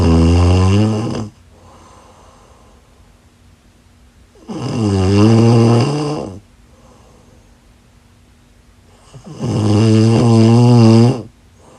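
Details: Loud, rattling, low-pitched inspiratory snores, about 12 breaths per minute, quiet exhalations between, from a sleeping woman; snoring.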